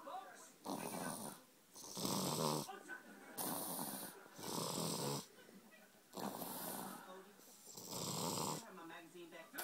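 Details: The wee man snoring loudly while lying beside the recorder: rhythmic rattling snores on both in- and out-breaths, about three to four breath cycles in ten seconds, with brief quiet gaps between.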